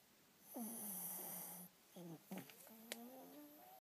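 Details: Cinnamon, sound asleep, November 2011: a drawn-out, low, rattling snore followed by a few shorter snorting breaths; ordinary snoring during sleep.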